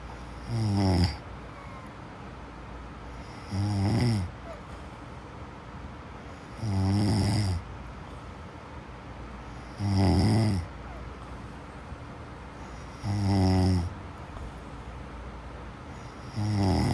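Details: A sleeping person snores loudly with a regular rattle on each in-breath, about 19 a minute, with quiet pauses between: sleep snoring.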